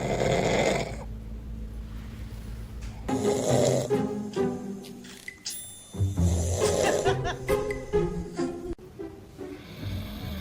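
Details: Adult man (father) snoring: loud, rough bursts with snorts, mixed with music and a scared infant fussing nearby.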